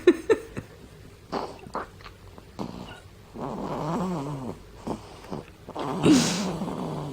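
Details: Infant girl snoring while asleep at the breast, still suckling: soft irregular snorting bursts and a longer rough, rumbling, partly voiced breath.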